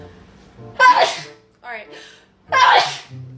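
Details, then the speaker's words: Girl says she is going to sneeze, then two forceful sneezes with a brief breathy sound between them, over faint background music; ordinary sneezing. "God, I can't explain it. >> I think I'm going to sneeze."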